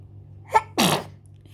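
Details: A short intake of breath, then a single quick sneeze with a sharp burst of air, over a low steady hum: sneezing.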